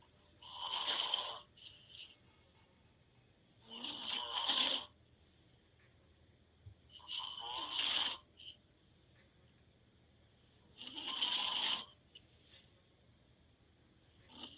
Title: Loud snoring 😴 boyfriend open mouth snore